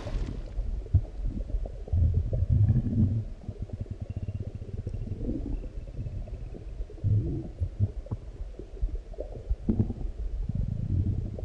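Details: Deep, rolling growls and bubbling gurgles that come and go after a large meal; normal bowel sounds (borborygmi).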